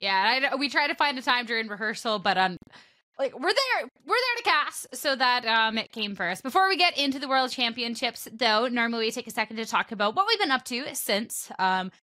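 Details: Adult speaker; normal voice.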